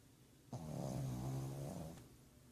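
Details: A pug snoring out loud: a single long, low, rumbling snore lasting about a second and a half.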